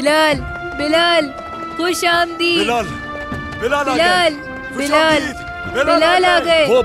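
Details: Acted stuttering by a boy character in a dubbed Turkish TV film about the first call to prayer: stuttering (acted).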